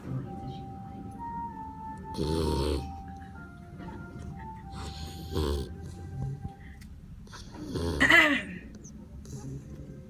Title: cute husky puppy snoring